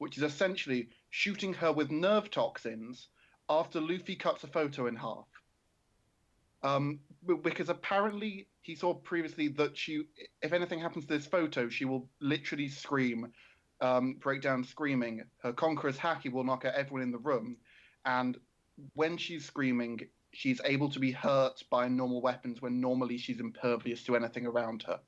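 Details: Adult male speaker; ordinary speech.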